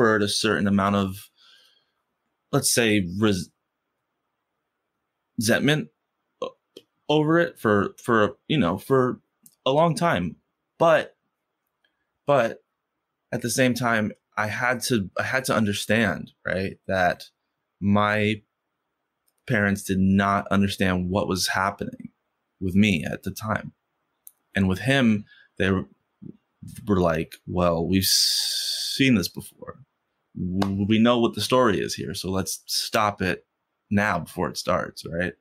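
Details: Stuttering in an adult man who has stuttered since first grade and stutters most when asking for things or saying something important.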